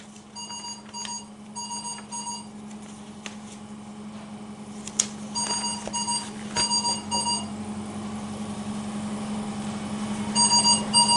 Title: Acute Care Training : Trouble shooting high airway pressure